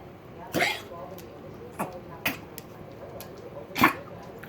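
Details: Several short, dry, hacking coughs from a dog named Ruby in a quiet room, recorded 1-10-2022; cough.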